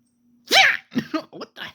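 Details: Fox sneezing: one sharp explosive sneeze followed by several small snorting puffs; sneezing.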